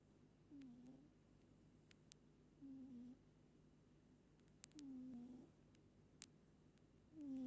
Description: Pet cat moli sleep all night and everytime she sleeps, she snors hard .